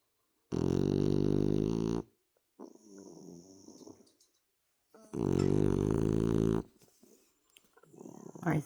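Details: Male dog snoring in sleep beside his owner: two long, loud, rumbling snores separated by quieter breaths.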